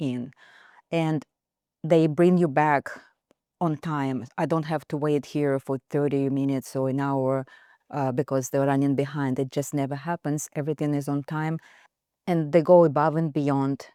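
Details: Adult speaker; typical speech.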